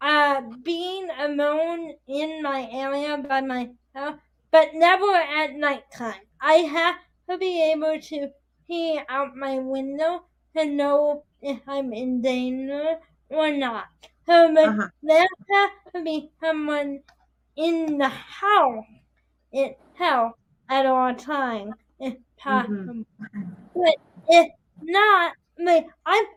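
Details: 22-year-old adult woman with spastic quadriplegic cerebral palsy affecting her whole body including speech, right side impaired, uses a walker or wheelchair: dysarthria (cerebral palsy).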